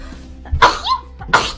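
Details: Two sharp, explosive bursts of air about a second apart, with faint background sound; sneezes.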